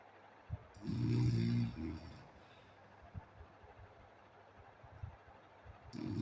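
One low, rough, rumbling snore followed by quiet breathing, and another beginning at the end; snoring during sleep against some room noise.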